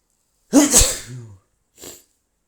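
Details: One loud, forceful sneeze from an adult man, with a sharp hissing burst and a trailing voiced tail, then a brief quieter breath; a single sneeze.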